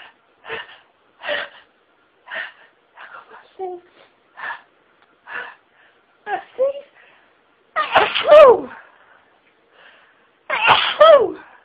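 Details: A run of about ten short rapid sneezes, the last two louder and fuller, after stifling intensified nasal tickling: sneezing fit.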